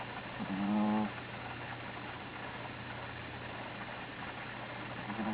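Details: Sleeping Belgian Griffon dog snoring (stertor) during afternoon nap: brief, tonal snort-like snore with the next one just starting, over steady hum.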